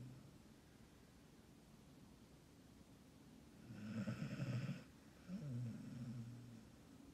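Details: Pet named Bailey in a deep midday sleep, snoring.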